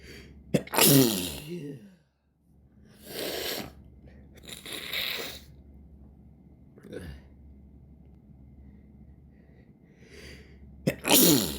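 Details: Adult with a very irritated nose in summer, after false starts: sharp explosive sneeze, quick breaths, then another forceful sneeze; ordinary sneezing.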